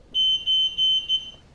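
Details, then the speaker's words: Hospital med-surg bed exit alarm triggered when the patient attempted to get out of bed unassisted: four sharp, high-pitched electronic beeps in quick succession as the caregiver silences it with the green key. "the patient attempted to get out of bed unassisted the bed exit alarm was triggered as a caregiver you return to the room and attend to your patient when appropriate"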